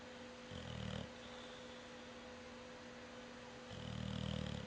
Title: Rooney snores with eyes open